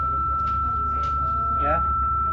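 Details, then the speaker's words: Steady high electronic tone of a manual defibrillator charging from the paddle button at 200 joules selected, during a defibrillation and CPR training demonstration, with faint voices in the room. "Di pedal ada tombol untuk charging, ada tombol untuk shock. Jadi kalau pegang pedal maka charging dari pedal"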